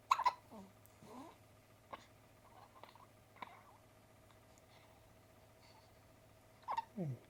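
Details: 1-week-old newborn boy's hiccups: several sharp, brief hiccups spaced a second or two apart, with small squeaky sounds and quiet room noise.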